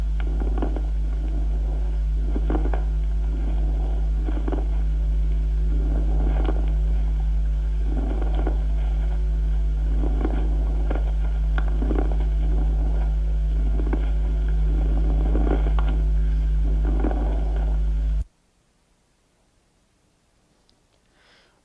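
Repeated bursts of fine, crackling, bubbling sounds with each breath over a steady low hum: fine crackles in the lungs.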